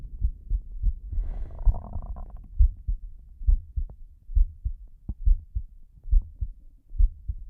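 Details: Slow heartbeat.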